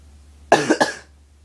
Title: cough cough